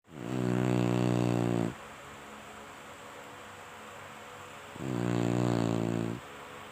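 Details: Sleeping Chinese Shar-Pei dog: two loud, low, rumbling snores about four seconds apart with quiet breathing between; snoring.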